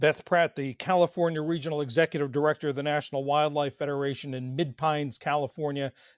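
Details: Adult male speaker; Normal voice.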